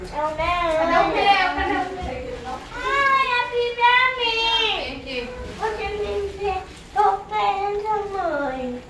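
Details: Young child; speech of a child with a cochlear implant.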